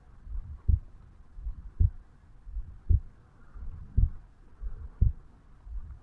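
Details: 35-year-old male recording his own heartbeat over the bicuspid/mitral valve area on waking in the morning: steady low thumps at about 56 beats a minute, soft rumbling chest and handling noise between beats.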